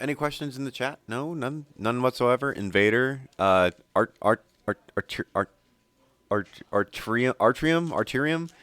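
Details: Stuttering in a male commentator, who says difficult-to-pronounce words always trigger his stutter.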